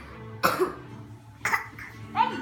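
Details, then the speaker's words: Young boy asked to cough on purpose, a fake cough: three short, forced cough bursts with soft room noise behind; voluntary cough. "Vamos a echar uno antipático, vamos a echar uno Pura tos de mentiras."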